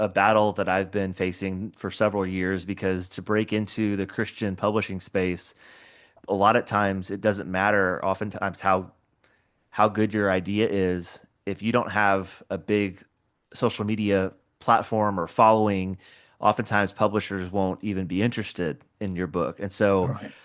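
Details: Adult male speaker; normal speech.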